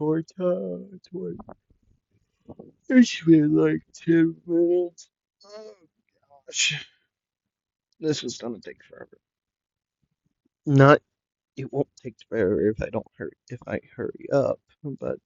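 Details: Stuttering in a male narrator who says he stutters a lot and repeats things; in this clip he repeats "the" several times.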